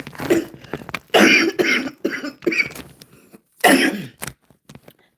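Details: Adult woman, never a smoker, coughs harshly five or six times in quick succession; her lungs are affected by lupus and anti-Jo-1 antibody disease. Chronic cough (antisynthetase syndrome lung disease).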